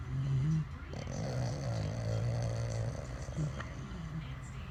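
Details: Husband and French bulldog snoring very loudly together: low, rumbling, rattling snoring, sustained and irregular, with a brief snort.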